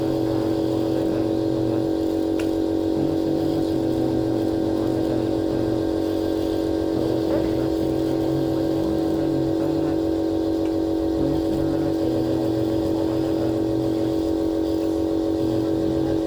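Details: Compressor nebulizer running during a nebulizer treatment given for cough: steady mechanical hum with a fast, even pulsing drone throughout.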